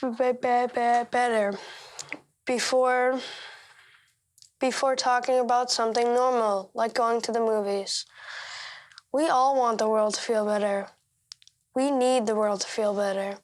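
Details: Stuttering in a 13-year-old boy, delivering a speech he marked up to make it easier to say aloud.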